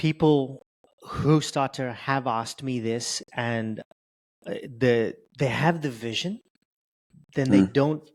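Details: Adult male with stuttering since age 10, reporting blocks, prolongations and repetitions; stuttering.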